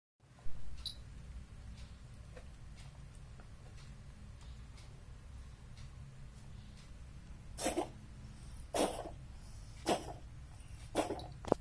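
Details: Four short, sharp coughing bursts from a cat with flu (upper respiratory infection) over a steady low background hum.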